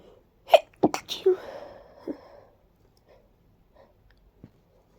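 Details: Sudden sneezing fit after a deep nasal tickle in a person with active allergies: a few sharp, wet, stuffy sneezes in quick succession, then sniffing.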